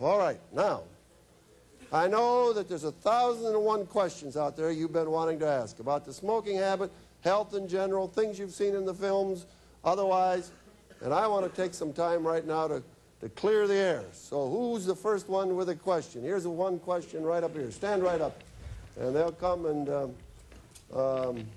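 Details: Adult man addressing an audience; normal speech.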